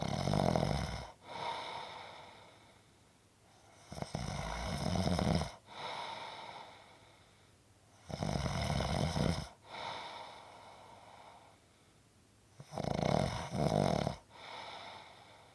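Loud rattling snores on each in-breath, about four cycles across fifteen seconds with quieter out-breaths between; ordinary heavy snoring.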